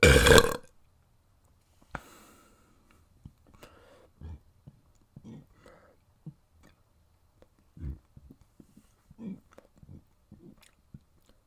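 One loud, long belch opens the clip, followed by quieter throat sounds and grunts. Burping.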